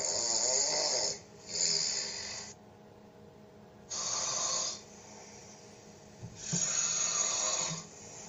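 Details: A person's heavy snoring, secretly recorded overnight while asleep in a hotel room: loud, harsh rattling snores on each breath in, about three in eight seconds, with quiet pauses between.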